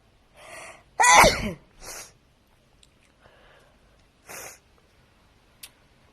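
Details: Woman sneezing: a quick inward breath, then one loud, forceful sneeze followed by softer breathy sounds; a single ordinary sneeze.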